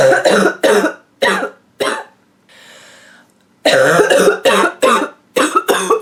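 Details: A woman with a nasty, nonstop barking cough gives about a dozen harsh, deep, voiced coughs in two runs, with a brief breath between.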